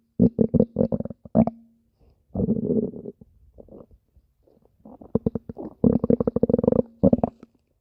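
Bursts of rapid gurgling pulses with a steady low hum, stomach growling from gas and fluid moving through the gut.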